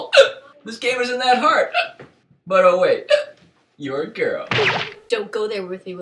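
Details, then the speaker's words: Hiccups in a comedy sketch: abrupt, gulping hiccup sounds, about four in six seconds, breaking up animated speech about getting the hiccups. "come on you got the hiccups on purpose didn't you cheetah you always win these hiccups aren't my fault"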